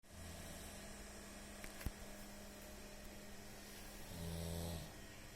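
A steady low hum over room noise, then a louder, deep buzzing rattle near the end: a snore.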